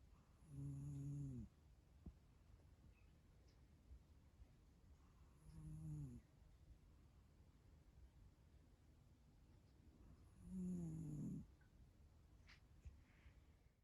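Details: Cat sleeping deeply after a difficult couple of weeks, a lifelong snorer: three low, rumbling snores about five seconds apart, roughly 12 a minute, with quiet breathing between; ordinary snoring.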